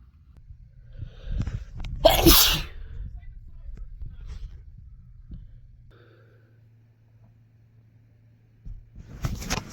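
A quick intake of breath, then one sharp, explosive sneeze, with the start of another at the end: an ordinary sneeze.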